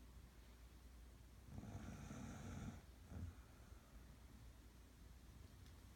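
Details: Tired little girl snoring: one soft, low snore followed by a brief snort over quiet room noise.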